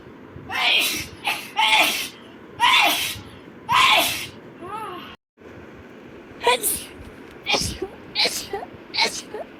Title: girls sneezing rapidly. #5.|| rapid sneeze.